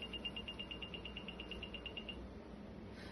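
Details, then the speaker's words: Graseby 2100 syringe pump, ICU surge stock, being powered on by holding the on button for a long time: a fast run of short high beeps for about two seconds, then silence as it powers on. "we're going to turn it on here is the on button it's not obvious and what you might not realize is you have to hold it for quite a long time to turn the pump on"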